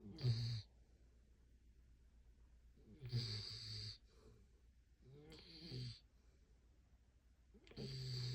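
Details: Sleeping silver Labrador dog snoring like a human, with loud, low, rattling snores about every two to three seconds and quiet pauses between.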